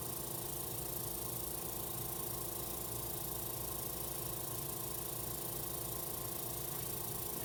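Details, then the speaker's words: Steady motor hum with a constant hiss from a suction machine just switched on before tracheostomy suctioning of an adult male patient, nurse demonstration; suction machine running. "okay this is now my unsterile hand I'm going to hook it up to suction I turn a sectional"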